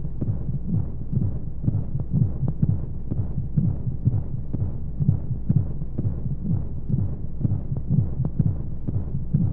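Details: Womb sound played as a sleep aid for babies: steady, muffled low thumps in pairs at about 60 to 65 beats a minute with a soft rushing hum of flowing sounds and white noise; a womb-style heartbeat.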